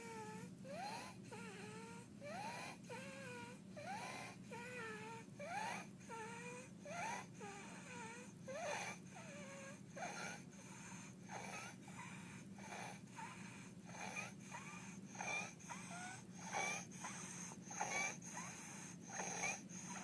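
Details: Infant with laryngeal dyspnea: harsh, high-pitched noisy sound with each breath at about 43 breaths per minute, stridor from laryngeal obstruction.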